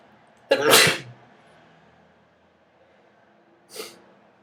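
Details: Voluntarily induced sneezing: one sharp, forceful sneeze, then a softer second sneeze a few seconds later in a quiet room.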